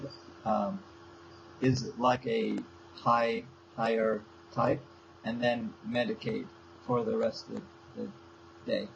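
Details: Young man with aphasia since a stroke seven years earlier, still attending speech therapy four times a week; aphasia.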